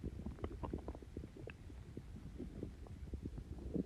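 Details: Stomach growling (borborygmi) after drinking Coke with Mentos: continuous low gurgling and rumbling with bubbly pops.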